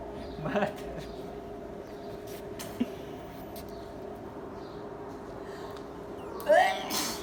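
A steady room hum with a faint click, then a single voiced, explosive burst near the end, heard as one sneeze.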